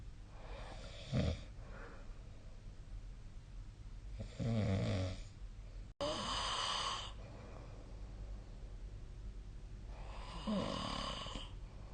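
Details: Snoring during sleep recorded with the SnoreLab snoring app on 2025/05/03: rough, fluttering snores with steady room hiss between them, roughly every five to six seconds.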